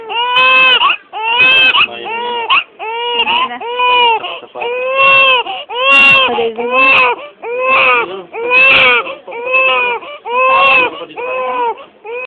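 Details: Loud rhythmic wails about a second long with short breaths between, from a very red-skinned newborn crying in hospital; vigorous, normal newborn cry.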